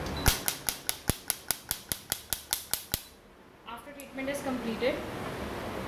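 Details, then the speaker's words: ONDA radial shockwave therapy unit for physiotherapy pain relief firing after the foot switch is pressed in a demo: a rapid train of about twelve sharp clicks, roughly five a second, then stopping. "Now start the button. Press foot switch to begin."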